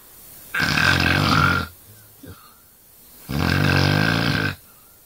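Two loud, rough, rattling breaths about three seconds apart, with quiet between them: snoring.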